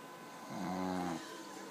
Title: "I don't snore!" Indisputable proof #WifesRevenge